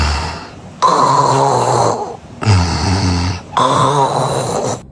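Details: Three harsh, rattling snores in quick succession, gurgling like phlegm being cleared from the throat. This phlegm-clearing type of snoring is described as nothing to worry about.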